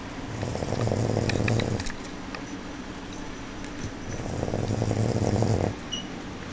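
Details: Woman snoring in her sleep: two long, low, rumbling vibrating breaths about four seconds apart with quiet between.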